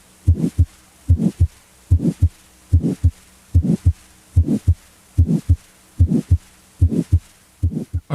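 Regular heartbeat near 73 a minute with a murmur between the two heart sounds that starts loud and fades.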